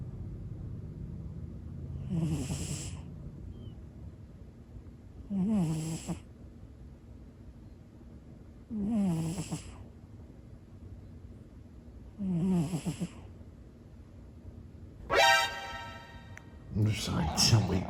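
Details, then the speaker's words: Sleeping cat snoring loudly: short rattling snores about every three and a half seconds, roughly 18 per minute, over quiet room noise; cat snoring. "Go back to sleep. You were snoring."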